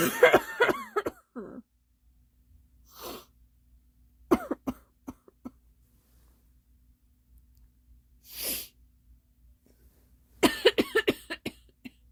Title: Girl Coughing 361